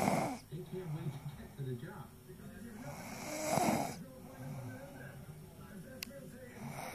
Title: snoring